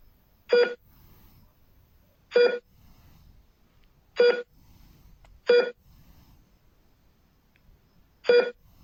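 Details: Short, clear electronic beeps from a hospital heart rate monitor, irregularly spaced at about 33 per minute, tracking the heartbeat.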